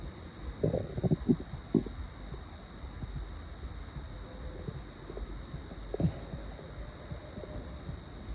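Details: Loud stomach growling at 7am before breakfast after more than 20 hours without food, audible without a mic: low gurgling rumbles and brief bubbling bursts from an empty, very hungry stomach, i.e. hunger borborygmi.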